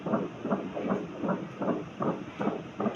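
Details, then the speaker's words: Rhythmic whooshing fetal heartbeat on Doppler ultrasound, about 150 a minute, described as normal; baby girl in cephalic position, anterior grade 3 placenta. "ngayon ito yung kanyang puso y pakinggan pakinggan ng heartbeat"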